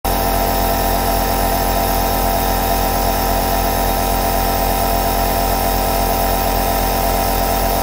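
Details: Two compressor nebulizers (aerosol) running together: steady unbroken mechanical hum with low motor drone and faint rattling pulse; nebulizer running.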